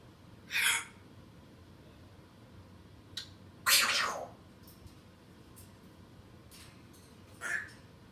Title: African grey sneezes